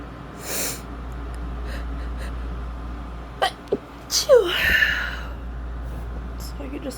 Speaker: And then the past couple days I've just been like really congested and having to blow my nose a lot and just sneezing.